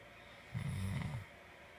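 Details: Sleeping person snoring: a single low, rumbling snore lasting under a second, against steady room noise.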